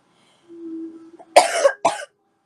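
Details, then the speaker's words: Female, expecting a sneeze that turned into a cough: a brief voiced, hum-like intake of breath, then two sharp, explosive, loose-sounding coughs in quick succession. "I thought I had to sneeze. Ended up being a cough."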